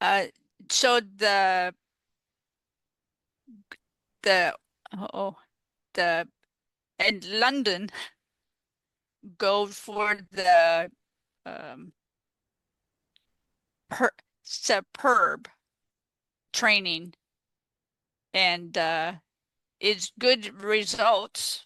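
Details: Female stroke survivor living with post-stroke aphasia, a real patient speaking in an interview; aphasia.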